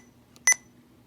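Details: Short double electronic keypress beep from a Sapphire IV infusion pump touchscreen while programming a dose rate calculation, in a quiet room during an ambulance-service inservice demonstration.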